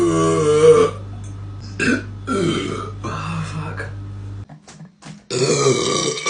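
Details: Female deliberately burping: two long, loud, voiced belches separated by quieter sounds over a steady low hum.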